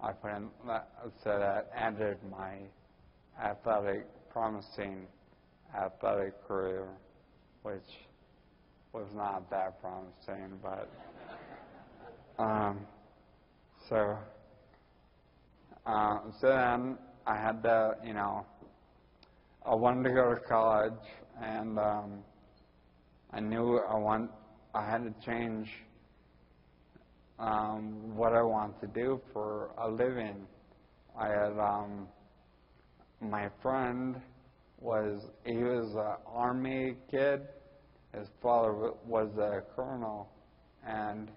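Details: Ataxic dysarthria in a 41-year-old man with Friedreich's ataxia, diagnosed at almost age 20.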